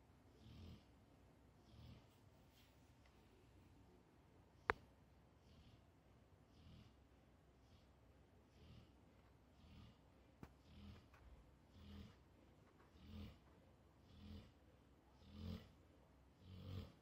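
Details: Pit bull dog asleep, described by owner as an unusually loud snorer: regular snoring about 12 breaths a minute with a low rumble on each in-breath in a quiet room; snoring.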